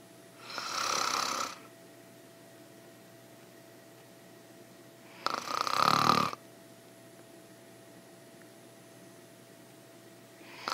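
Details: An adult woman snoring with deep breathing in an ASMR sleep recording: loud rasping snores with long quiet pauses, about one breath every five seconds, over a faint steady hum.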